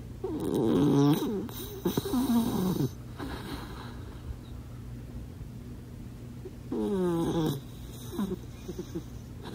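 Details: Bandit, a dachshund with missing teeth and weight issues, snoring loudly while asleep; snoring.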